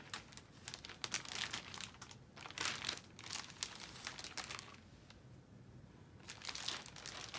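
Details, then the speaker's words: Sterile paper surgical drape peeled open and unfolded over the right neck site, after skin cleaning, before an interscalene block for rotator cuff repair in an anesthetized man: crisp crinkling and rustling in a quiet room. "So I peel this off, drop it over the site where I anticipate going in, and go ahead and open that up."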